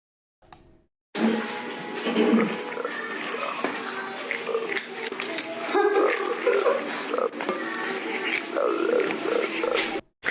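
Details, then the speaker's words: Repeated low, rough, gravelly meows over background music from Jack, a cat with a rare form of laryngeal paralysis whose voice changed after surgery. Hoarse, abnormally deep meow. "Yeah, so Jack has a rare form of laryngeal paralysis, and his voice changed after his surgery."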